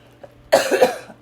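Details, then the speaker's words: Adult woman with lung illness under pulmonologist care, prednisone raised to 40 mg daily, CT of lungs ordered, having just taken cough medicine: a single short, harsh cough in a quiet room. "I just took some cough medicine I should be okay for a while but I don't mean to annoy anybody with my cough so you might hear me do that"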